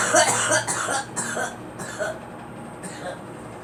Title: Girl coughing